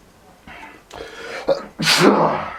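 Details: Person with bad bout of non-stop sneezing: several sharp breath bursts building to a loud, explosive sneeze with noisy release; sneezing.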